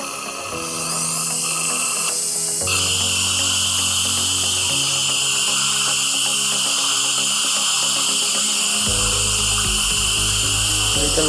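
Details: Steady high-pitched drill whine with background music from a dental surgical handpiece cutting a lateral bone window during a sinus lift. The window is for viewing internal Schneiderian membrane elevation with a Paltop DIVA implant.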